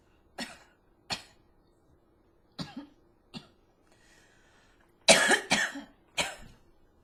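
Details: Adult coughing: about six sharp, dry coughs in short bouts in a quiet room, the last ones louder and closer together.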